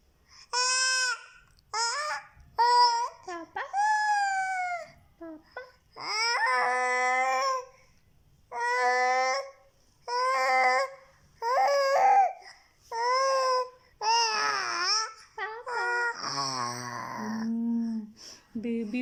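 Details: Short, high-pitched infant vocal bursts, some like laughter or fussing cries, in a quiet room; baby laughing at mother's fake sneezing.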